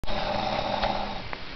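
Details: A sleeping person, jokingly called a snoring beast, heard while others played a video game: a single low, rough, rattling breath with a steady buzz; snoring.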